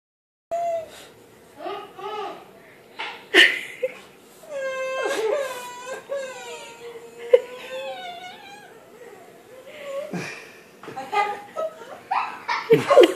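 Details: Infant crying in rising, wavering bursts after the father makes a fake baby cry, his imitation mixed in: infant crying.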